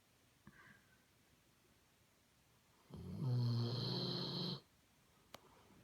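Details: Weimaraner/Doberman cross dog sleeping in a quiet room, a single low, rattling snore under two seconds; very loud snoring.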